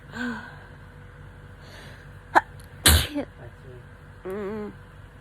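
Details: A quick inhaled catch, then one loud explosive sneeze with a brief vocal sound after; a hay fever sneeze filmed within a 3–4 day span.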